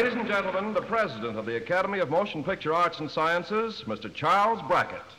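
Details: Adult male announcer; Typical voice.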